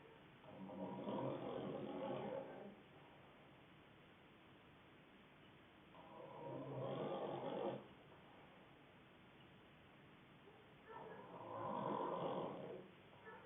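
Three loud, rough, rattling snores on the in-breath, about one every five seconds, with quiet pauses between.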